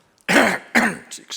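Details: Two harsh, forceful throat-clearing bursts from an adult man with a current chest infection and COPD, who also has vascular dementia, Alzheimer's disease and arthritis, just before he speaks.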